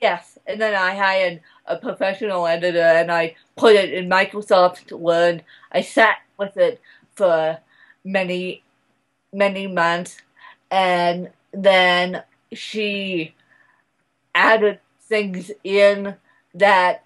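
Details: Adult woman speaking; dysarthria (cerebral palsy).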